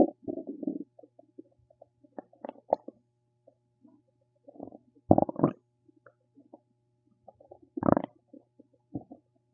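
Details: Irregular gurgling and bubbling bursts with short squeaky runs over a faint steady hum; ordinary stomach rumbling (borborygmi).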